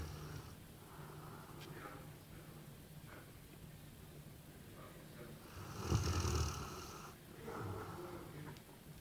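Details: Dog snoring in a quiet room: low rumbling breath sounds with one louder snorting breath.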